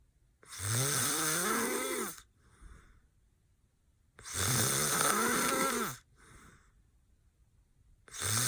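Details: Person passed out with eyes open, heavy snoring: loud, harsh, rattling snores on each inhalation, about 16 a minute, with quiet exhalations between.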